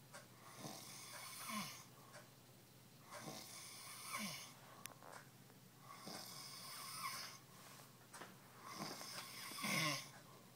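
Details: Adult passed out after drinking almost a handle of vodka; rough, rattling snores on each breath, about 22 breaths a minute, quieter pauses between: snoring.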